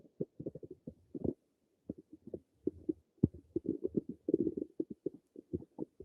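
Rapid bursts of gurgling, bubbling clicks with brief pauses, typical of active stomach and bowel rumbling.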